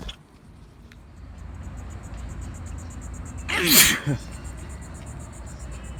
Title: Return of the sneeze